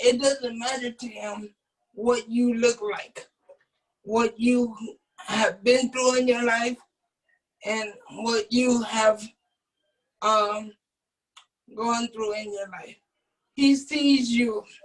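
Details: Adult man with cerebral palsy who uses a wheelchair; at birth doctors told his family he would never be able to speak; dysarthric speech in cerebral palsy.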